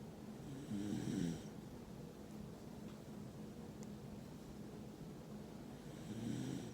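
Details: Shiba Inu sleeping on a lap and snoring: two low, rattling snores about five seconds apart, with quiet breathing between them, in a quiet room.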